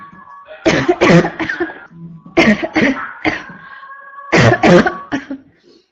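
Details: Constant barking cough, female: three bursts of three harsh, barking coughs each, about nine coughs in six seconds, over a steady tonal background.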